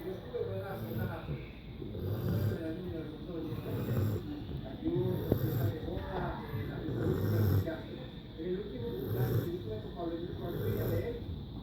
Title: Roncando